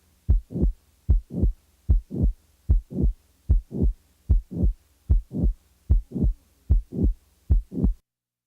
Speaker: the next example is that of a late systolic murmur in a patient with a mitral valve prolapse